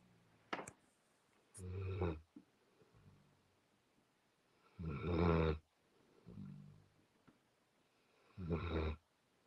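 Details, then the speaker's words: A sleeping female puppy snores beside a person singing, with rough inward breaths and quieter outward breaths at roughly 18 breaths a minute; soft rhythmic puppy snoring. "There's a sound of the puppy snoring just to my left. I thought it's perfect to have. I don't know if you can hear her snoring."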